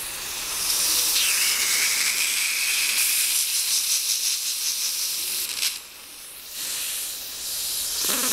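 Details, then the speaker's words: Dental air-water syringe rinse with suction after hydrochloric acid and pumice microabrasion of brown hypocalcified stains on a patient's central incisors: loud steady spray hiss and suction gurgling, a brief drop partway, then the hiss returns. "We'll just give that a rinse. It's fine. You don't have to lick it. Doesn't matter."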